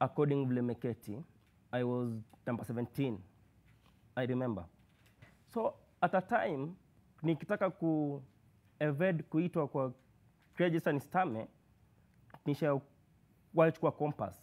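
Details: Male university student who has stammered since birth, first noticed when reading in class three; speech therapist describes blocks, prolongations and repetitions; stuttering.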